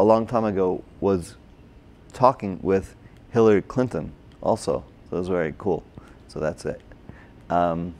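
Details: Broca's (expressive) aphasia in an adult man, a former paramedic, caused by a stroke during heart surgery in 2007, about 10 years earlier; difficulty with names, numbers, reading and writing; had speech therapy, OT and PT after the stroke.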